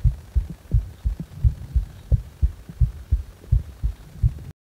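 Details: Heart sounds recorded while feeling discomfort in the heart: deep, steady paired thumps at about 80 beats a minute, with no clear extra sounds.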